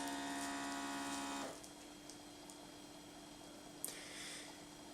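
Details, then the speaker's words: Automatic 90X2 blood pressure monitor cuff inflating after pressing Start: steady motor hum of the pump sending air, which then stops, leaving quiet room hum. "je le positionne bien voilà et là ça commence à gonfler donc ça envoie de l'air ça continue à envoyer de l'air"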